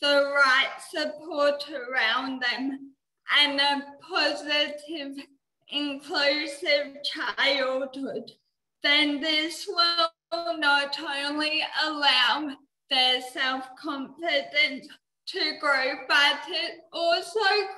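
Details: Dysarthria in a 19-year-old woman with cerebral palsy, which she says affects her mouth muscles; she could not walk or talk until age eight.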